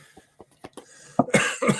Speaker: Started coughing.